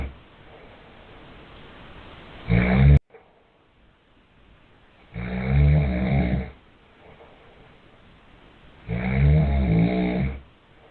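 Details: A father's loud, low, rattling snores recur about every three to four seconds during sleep, with a baby's sharp slap heard near the start; adult snoring.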